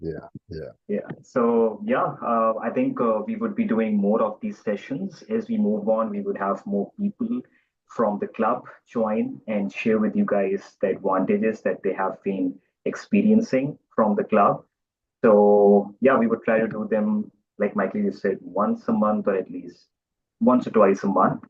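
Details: Adult man; typical speech.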